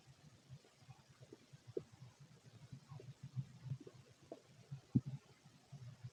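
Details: A fit male's stomach recorded while empty (fasting) gives sparse soft low gurgles and occasional brief clicks over a quiet background, showing little bowel activity.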